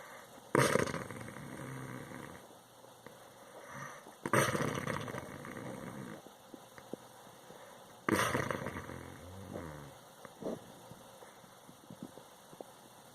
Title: Snoring Husband